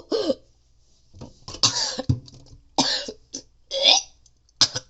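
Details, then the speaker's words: Repeated harsh coughs and throat-clearing bursts with retching and gagging between them; the speaker says doctors diagnosed bronchitis, then acute bronchitis: cough with gagging. "they told me the [ __ ] doctors told me I have bronchitis and then they told me I had a creep acute bronchitis"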